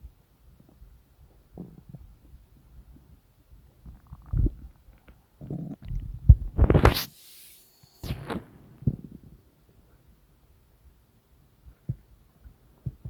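Low gurgling rumbles and bubbling bursts from the belly, with a louder rolling gurgle midway; ordinary stomach rumbling from digestion.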